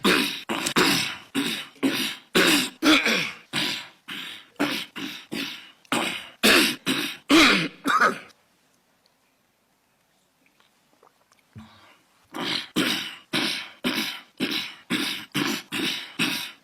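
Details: Former South African president coughing while testifying at the Zondo commission, saying he has some flu: repeated short, harsh coughs and throat clears in rapid runs, with a brief pause.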